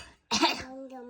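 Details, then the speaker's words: Infant deliberately imitating mother's cough: a single short, deliberate cough with a brief voiced tail, copying an adult: imitated cough. "아크. 엄마가 기침하지. >> 아크. 왜 엄마 따라해?"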